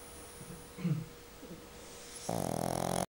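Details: Dog recovering from an operation, asleep: soft snorting breaths, then a loud, buzzing, rattling snore; snoring.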